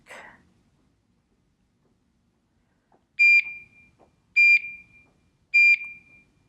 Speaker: this is the on/off button I'm gonna press you hear the beeping the pump does a self check